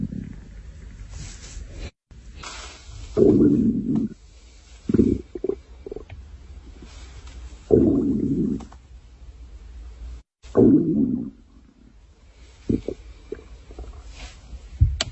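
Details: Stomach growling: several loud, low gurgling rumbles with quieter bubbling between them, typical borborygmi from gas and fluid moving through the gut.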